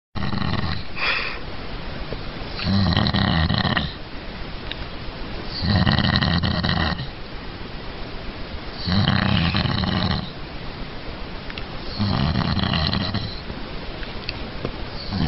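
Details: Loud, regular, rattling snoring, one snore about every three seconds (roughly 20 per minute), with a bubbly nasal quality from bubbles in the nose.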